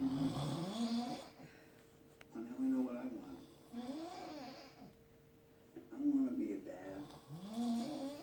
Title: Listen to the background or the snoring lol